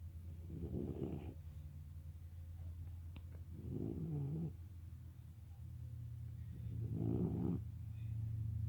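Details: Snoring during sleep: three rhythmic, rough, fluttering snores about 3 seconds apart over a steady low background hum.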